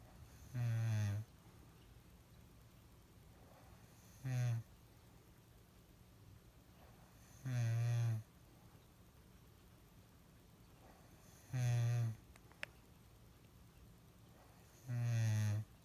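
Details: Person recorded while asleep with an unusual snore: loud rasping snores with long pauses between, five in about 16 seconds, roughly 19 a minute.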